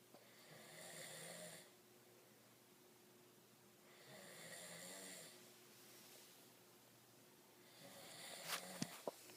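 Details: Snoring at a training camp: two buzzing snores a few seconds apart over a steady hum in a quiet room, then a few sharp noises at the end.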